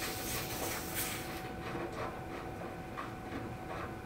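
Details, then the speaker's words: Drager Evita XL ventilator pre-use check with a test lung: oxygen hose disconnected from the station outlet, giving a steady hissing rush of escaping gas over mechanical background noise. "so we're going to disconnect the oxygen from the station outlet so give us gas hissing as I'm doing this"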